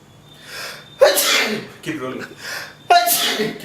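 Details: Two sharp explosive sneezes, each after a short indrawn breath, with quiet gaps between; filmed behind the scenes of a feature film, likely a staged sneeze scene.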